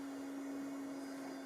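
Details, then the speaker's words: NextStep neonatal resuscitator and transport ventilator in a demonstration, set to a tidal volume of about 2 milliliters per breath: steady mechanical hum as the device quickly achieves the set volume. "To demonstrate the large operating range of the system, I'll show that even down to 2 milliliters per breath is doable, and one sees that the device very quickly achieves the set tidal volume of around 2 milliliters."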